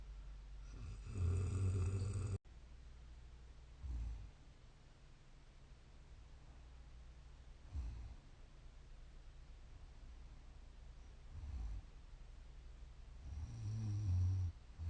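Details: Deep, low snores with quieter breaths between, about four to five breaths a minute, from a sleeping 31-year-old woman; snoring.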